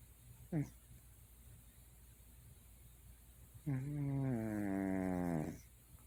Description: Like the title says, it's by silly cat snoring. This is not edited or enhanced in any way.